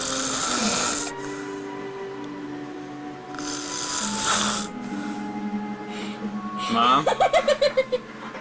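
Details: Noisy snoring breaths during sleep in the early morning hours, heard beneath background music; snoring.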